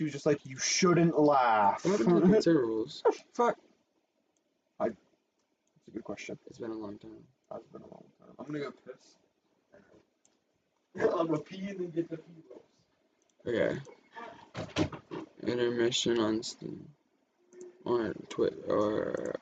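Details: Speaker with Tourette syndrome talking; frequent censored interjections likely represent vocal tics; vocal tics (Tourette syndrome).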